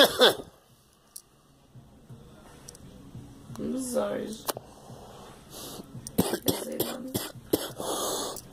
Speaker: It's part of all its phlegm. Damn it. This fucking cough will never go away.